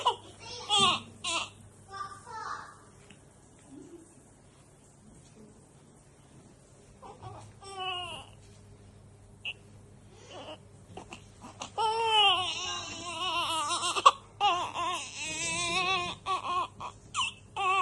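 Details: Newborn baby after a bath: soft grunts and whimpers building into short, wavering cries with brief pauses; ordinary newborn crying and fussing.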